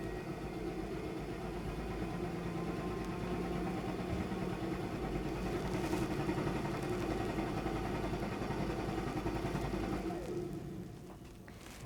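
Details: Cystic fibrosis patient using a high-frequency chest wall oscillation vest, third cycle at 10 Hz, pressure 7, 5 minutes: steady low droning vibration with rapid pulsing.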